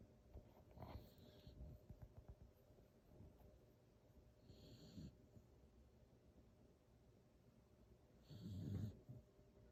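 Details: Sleeping beagle: soft snores with low rattling breaths and a snort about every four seconds in a quiet room; snoring.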